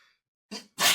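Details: Single sneeze from an adult, preceded by a short voiced intake and followed by a sudden loud hissing burst, amid repeated sneezing during casual conversation.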